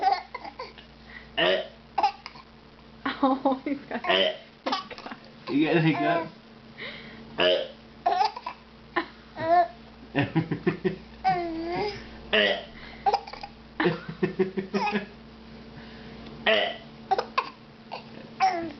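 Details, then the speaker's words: Infant laughing while being fed sweet potatoes as his dad makes him laugh; babbling and laughter are repeatedly broken by short, abrupt gasping catches of hiccups, with coughing noted. "You can't laugh because you hiccup."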